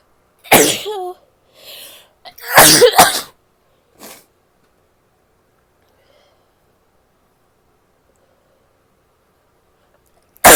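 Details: Female sneezing: two sharp, forceful sneezes with a brief wet snort between them, then quiet, ending with the start of a nose blow.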